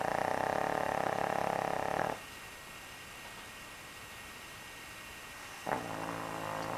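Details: Snoring: a long, loud, buzzing snore, then a quiet pause before a new snore begins.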